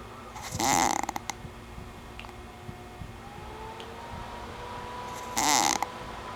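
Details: Adult man asleep and snoring: two loud rasping bursts about five seconds apart, with quiet room noise between them. Snoring.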